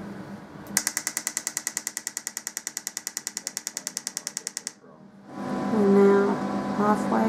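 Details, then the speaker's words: Transcranial magnetic stimulation coil firing a 10 Hz, 4-second pulse train at 100% machine output, one of 75 trains, applied to a hard-boiled egg holding a titanium aneurysm clip: rapid regular loud clicking, then stops. "so now we're going to treat eggy for the standard uh 75 trains and see what [Music] happens now we'll start his treatment"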